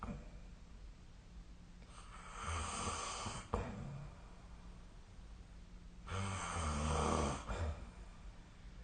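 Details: Two loud, rough, rattling snores about four seconds apart during sleep, with quiet room noise between; a snoring recording made with a snore-tracking app.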